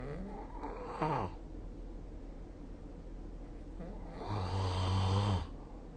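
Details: Two low, rattling snores during sleep, the second longer and louder; ordinary snoring.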